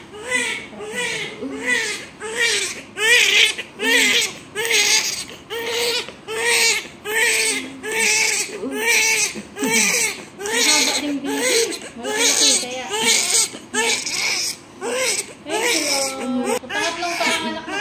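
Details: Newborn baby boy crying loudly and vigorously just after vaginal delivery, the mother's third pregnancy after an eight-year gap; rhythmic bursts about one per second.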